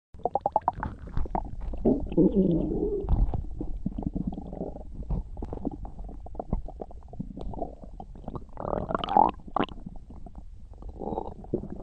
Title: (my last video of 2024!) stomach rumbling